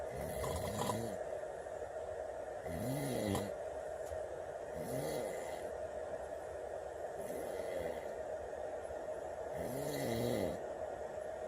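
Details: Loud, rough snores from a man, about every two and a half seconds (roughly 25 a minute), at 2:30 in the morning over a steady room hum; heavy snoring.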